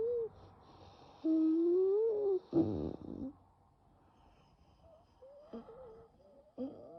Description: bronchial spasm during a very severe nocturnal asthma attack without coughing. In the end, the bronchi slowly open up again thanks to the rescue medication.